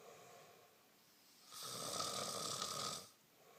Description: My mate snoring ALL night keeping me awake :(